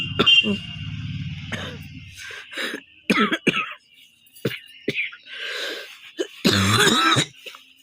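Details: Cough from a cold that the person says is already easing, recorded as a three-minute real long-cough challenge: irregular run of harsh coughs and throat clearing, about eight to ten bursts with gasping breaths between, possibly partly forced.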